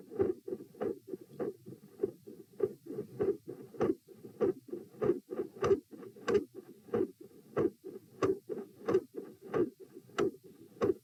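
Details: Doppler probe at position P during lying-sitting-standing-lying auscultation stress test: steady heartbeat near 95 a minute with sharp clicks and whooshing between beats; multiple heart murmurs.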